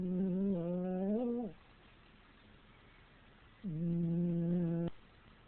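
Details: Dog snoring loudly while asleep and dreaming: two long, humming, tonal snores about two seconds apart, in a quiet room.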